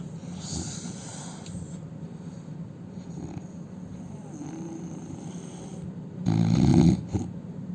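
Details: Indian man snoring during sleep: low steady breathing noise with one loud rasping snore near the end, over room hum; snoring.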